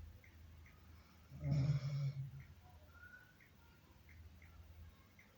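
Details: A single low, rumbling snore on breathing in over a steady hum, with faint bird chirps in the background; snoring.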